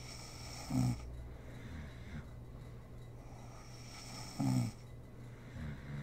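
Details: Snoring from a sleeping mother: two low, rattling inspiratory snores about four seconds apart, a quieter third starting, over steady room hiss.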